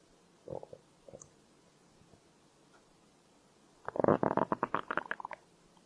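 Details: Stomach growling (borborygmi): soft bubbling gurgles, then a longer burst of rumbling, gurgling bowel sounds; hunger-related.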